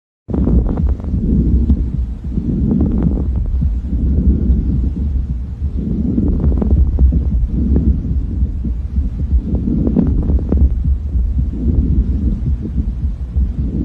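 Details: Lung sound with brief, high-pitched crackling pops during breathing, presented for clinical training as fine crackles (subcrepitantes) associated with interstitial processes such as pulmonary fibrosis or early edema.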